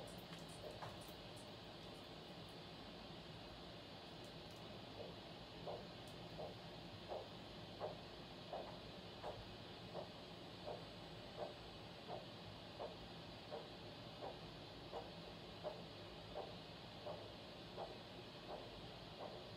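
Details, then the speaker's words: Handheld Doppler over a foot pulse during ankle-brachial index measurement: regular whooshing pulse, about 85 per minute, over steady hiss; ABI was 1, normal. "So your ankle brachial index was 1, which is normal."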